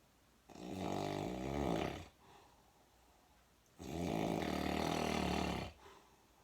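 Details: Nephew snoring: two long, loud, rumbling snores with a rattling, engine-like, motorcycle-like quality on the in-breath, separated by quiet out-breaths; heavy snoring.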